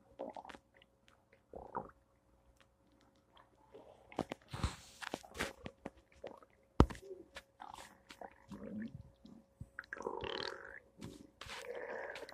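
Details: Irregular gurgles, squelches and low rumbles from the belly on a Thursday morning: normal bowel sounds (borborygmi), stomach noises.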